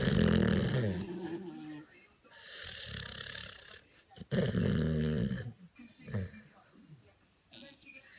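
Loud, rough snoring breaths from a sleeping dog, with rattling noise on the breath in and quieter gaps between.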